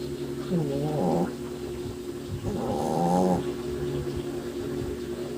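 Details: Sleeping small Shih Tzu foster dog: two drawn-out, buzzy, tonal snoring breaths over a steady low room hum; snoring.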